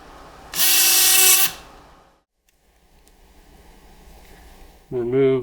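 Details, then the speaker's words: Loud, steady high-pitched whine of a surgical power saw, a quieter stretch, then the saw restarts, cutting a medially based closing wedge Akin osteotomy of the big toe before wedge removal and temporary wire fixation; demonstration procedure. "the wedge of bone we'll be able to close our osteotomy and I'm going to use a temporary wire fixation"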